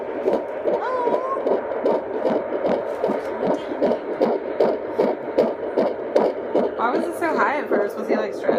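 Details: Fetal heartbeat at 23 weeks 4 days on Doppler: rapid, regular whooshing at about 150 beats a minute, starting very high then slowing as the Doppler settles on an average.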